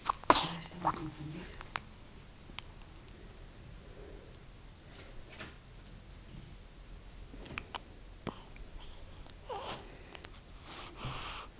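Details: A dog gives one sharp sneeze at the start, followed by quiet room sounds, faint clicks and a soft breathy exhale, possibly a yawn, near the end.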